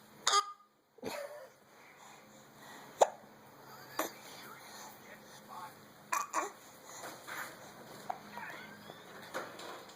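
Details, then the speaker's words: Short, sharp hiccups recurring every second or two against quiet room noise, with a remark that hiccups suck. "Oh, the hiccups suck. Yeah."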